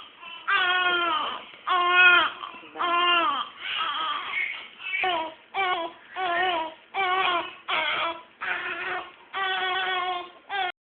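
Repeated strong newborn cries in bursts of about one to two seconds, clear voiced wails with brief pauses between; ordinary vigorous newborn crying.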